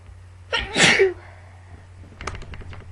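One loud, explosive sneeze with a brief in-breath before it, then faint rustling: a sneeze, linked to allergy.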